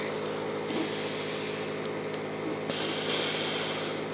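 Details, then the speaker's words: Steady mechanical hum and hiss of a compressor nebulizer running, delivering mist medication to a woman with asthma flaring during IVF treatment with Lupron. "so i'm going to put this on and use it and then i'll be back in a second here we go there goes the mist"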